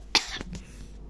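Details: Cough in a boy who says he has a cough, heard while he plays online chess: a single short, sharp cough burst followed by faint room noise.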